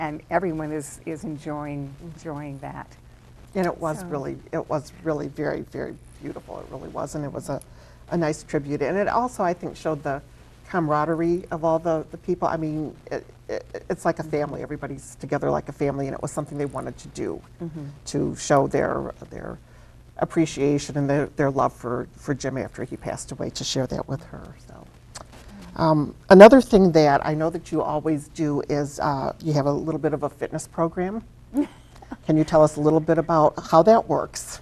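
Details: Adult woman speaking; normal speech.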